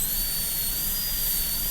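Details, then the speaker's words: High-speed dental drill on a typodont model tooth during a Class II mesio-occlusal prep of lower tooth #30, cutting up against the adjacent tooth at constant pulpal floor depth; steady high-pitched whine with air hiss. "Keep the pulpal floor at the same level and cut right up against the adjacent tooth."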